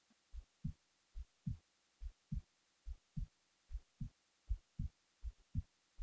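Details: Clear, regular paired lub-dub heart sounds at about 70 beats a minute with no extra sounds; normal steady heartbeat recorded while the person was falling asleep.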